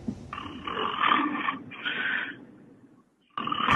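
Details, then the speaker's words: Snoring from a Romanian agriculture minister who fell into deep sleep during a live TV interview: rough, rattling snores broken by a short pause, faint room noise. "سوريا طيب يعني مو سهوه ولا سرحان شويه ولا شيء لا يعني رجال دخل في غفوه غفوه واستغراق يعني الشخير حق وزير الزراعه السبع في البلد كلها"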